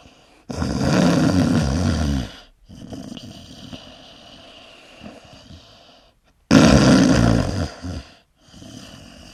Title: Звук храпа | sound of snoring